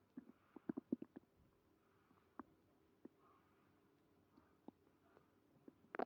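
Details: Stomach growling with stomach pain after eating creamy pasta: soft scattered gurgles and clicks over quiet room noise.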